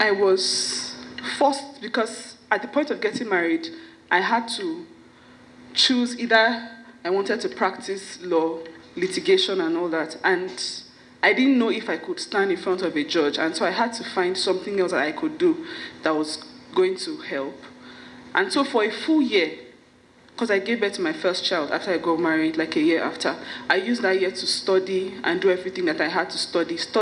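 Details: Adult woman who stammers giving a speech at a stammering awareness event; her stammering worsens when she is nervous; finding: stuttering.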